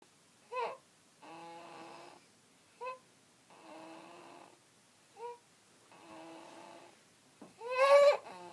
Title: Snoring